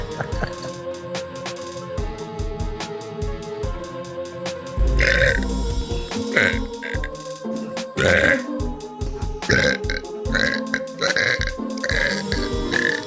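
Several loud, low, rumbling belches over background music.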